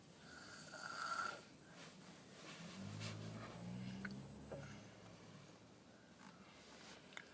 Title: Loud Snoring Child